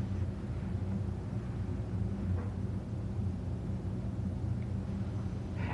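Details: Stethoscope auscultation over the abdominal aorta, checked for bruit; normal, with no bruit heard.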